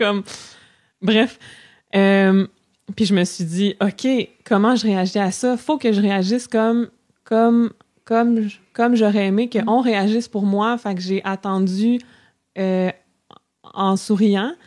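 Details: Adult woman who stutters, speaking French, with an audible part-word repetition; stuttering.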